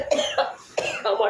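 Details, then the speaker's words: Adult with a severe cough and recent fever, treated with paracetamol, while travelling; two short pairs of voiced, hacking coughs; cough. "কাশিতে কথা শুনতে পাচ্ছি না যাকে ভীষণ কাশি হচ্ছে এই জেলাটা কাশি ওষুধ কিনবো"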